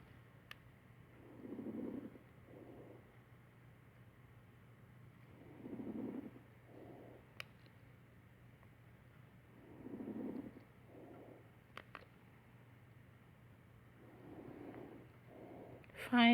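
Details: Simulated coarse crackles on a mannequin at about 14 breaths a minute: low, bubbling crackles from fluid in the airways.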